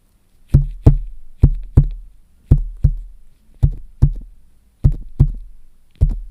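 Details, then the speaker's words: Acted ASMR nurse roleplay, stethoscope on chest: six steady lub-dub heartbeats about 55 a minute; nurse calls it a regularly irregular heartbeat, not concerning, and asks about palpitations; heart sounds. "you've got a little bit of an irregular heartbeat there um but it's regularly irregular and it's nothing that I'm too concerned about"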